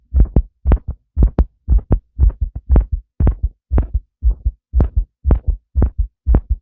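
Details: Male heartbeat: a steady, regular lub-dub with clear paired thumps at about 120 beats a minute, a fast rate, in a quiet background; heartbeat.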